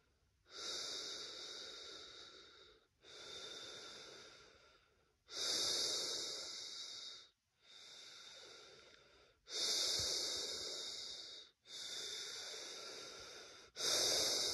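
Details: Laboured breathing at rest in first-time COVID-19 positive person: loud, noisy, hissing breaths about 14 a minute with audible effort; chest feels hard, trachea feels blocked, air feels oxygen-less.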